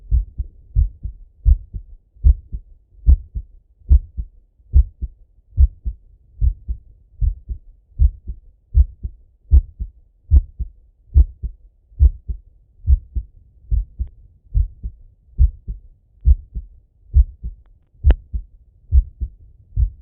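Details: Adult male heartbeat via stethoscope auscultation with breathing: steady paired heart thumps at about 71 beats a minute; normal heart sounds.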